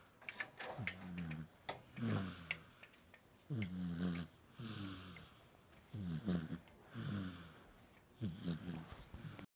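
Repeated rough, fluttering breath sounds about every second or so, loud then quiet in turn, from a sleeping dog; snoring.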